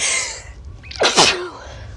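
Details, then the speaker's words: Person announcing they need to sneeze: a short breath in, then a single sharp, explosive sneeze followed by a faint exhale. "I need to sneeze. Oh my."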